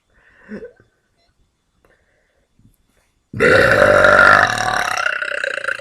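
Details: Deliberate burping kept on the quiet side; quiet mouth sounds, then a long, loud, rumbling forced belch lasting over two seconds.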